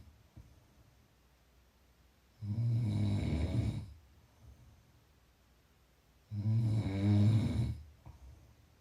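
Two long, low, rattling snores on breathing in, about fifteen breaths a minute, with quiet pauses between.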